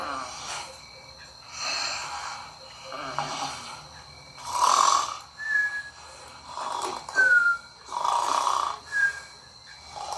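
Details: Animated cartoon character (Piggy Tales) snoring, not a real recording: exaggerated repeated rasping inhalations and whistling exhalations, about eight breaths in ten seconds.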